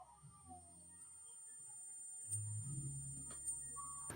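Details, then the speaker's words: Simulation of the speaker's own current tinnitus, played for 2 seconds: a steady, piercing high-pitched whine over faint low rumbling and clicks. "Now, I'm very familiar with it because I have tinnitus. Let me give you an example of what my tinnitus sounds like right now."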